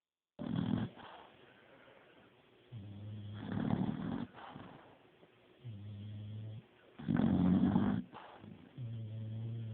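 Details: Sleeping person who claims not to snore: rough, rattling snores on each inhalation alternating with lower droning exhalation, about 16 breaths a minute; snoring.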